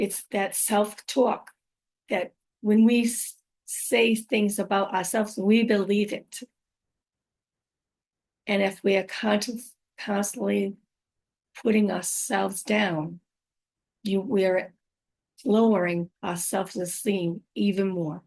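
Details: Adult woman with aphasia, apraxia of speech and dysarthria after a stroke, about five years into recovery; she says her speech can sometimes be hard to understand; finding: aphasia with apraxia of speech and dysarthria.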